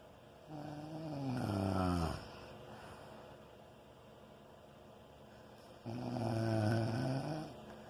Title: Can't sleep because of snoring